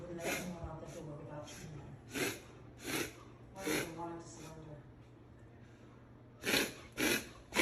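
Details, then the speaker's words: Alaskan Malamute dog with repeated loud snorting inward breaths in bursts, about seven to eight pulls; the vet diagnosed reverse sneezing, said it was nothing to worry about, and also gave antibiotics and cough medicine for a cough issue. "The doctor said she had reverse sneezing and that we had nothing to worry about."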